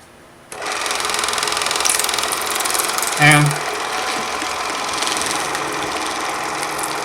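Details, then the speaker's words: WaterPik water flosser pump running, sprayed into a sink rather than the mouth: loud steady buzzing motor with rapid pulsing starting abruptly, a brief louder moment partway. "you do it over the sink so the water coming out I don't know if you can see it but the water is coming out of this thing really pressure"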